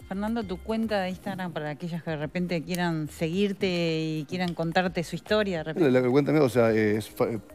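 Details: Adult speaker; normal speech.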